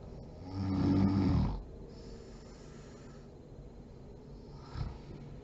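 One long, low, rattling snore on a breath in, then quiet breathing with a faint snort against steady room hiss.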